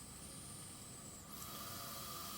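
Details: Steady hissing airflow from a Trilogy Evo ventilator on a passive circuit, rising in pitch and strength partway through as bi-level non-invasive ventilation (BiPAP) starts at IPAP 15, EPAP 5.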